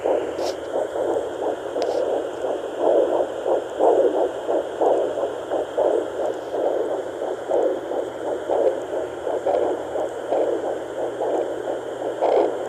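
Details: Fetal Doppler at 10.3 weeks of pregnancy: rapid, rhythmic whooshing fetal heartbeat pulses over a steady hum.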